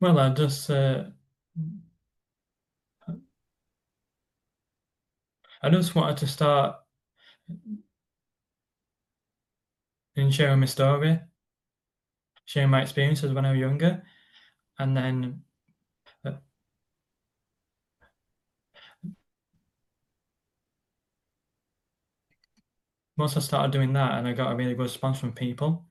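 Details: Stuttering (stammer) in a man who describes it as a neurological condition that feels like a block stopping his words from getting out, on any word.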